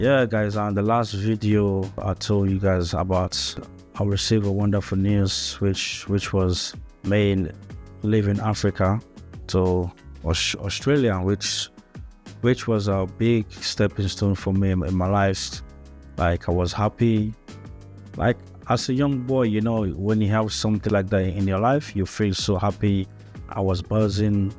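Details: Stuttering in a man who has stuttered since boyhood; he moved from Africa to Australia as a young boy and learned English as a new language; word and part-word repetitions.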